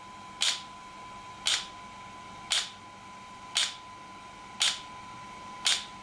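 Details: ESWT shock wave therapy handpiece for muscle and bone pain relief, used on a patient's joint: sharp, regular clicking pulses about once a second over a steady electronic hum.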